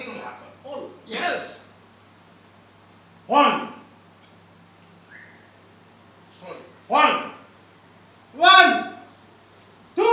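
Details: Male patient after puberphonia voice therapy, with a normalized male voice; before treatment he had lost his voice and could not speak loudly for two years.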